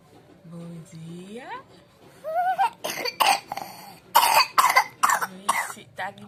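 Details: A girl just woke up coughing, a bit sick and disheveled but happy and singing; cough.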